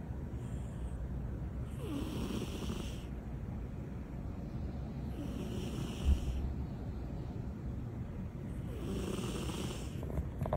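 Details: Cats snoring: three slow, rough snoring breaths in about ten seconds, roughly 17 a minute, over a steady low room hum. Snoring.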